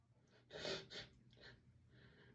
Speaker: I have to sneeze again. Sorry, I have to, I need to, you. Sneeze.